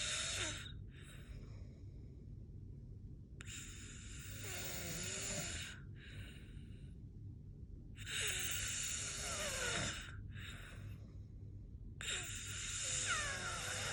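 Rough, hissing breaths alternate with quieter ones, about four cycles over 14 seconds; snoring.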